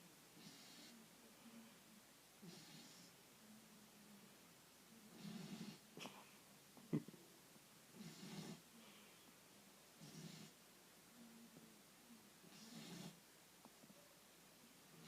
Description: My 12 week old black lab puppy Rambo likes to sleep upside down in his crate and snore all night